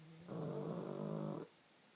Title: The snoring...